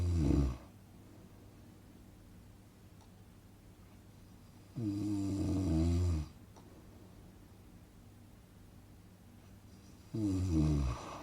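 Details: Relaxing snoring sound-effect recording for sleep: two long, low, rattling inspiratory snores about five seconds apart over quiet room noise; snoring.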